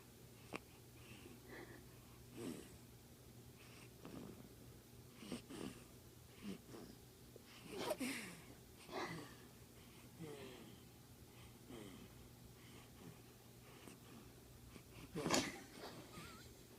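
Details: Snoring from a sleeping animal that is making faces: soft, irregular snorting and wheezy breaths over a steady low room hum.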